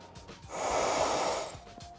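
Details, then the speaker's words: Simulated mouth-to-mouth rescue breath demonstration on a Practiman CPR training manikin for BLS/AED training: a single long breath with rushing airflow lasting about a second. "next I will demonstrate mouth-to-mouth breathing"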